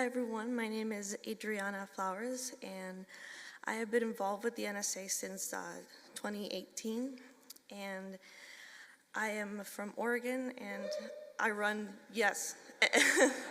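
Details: Adult woman speaking; typical speech.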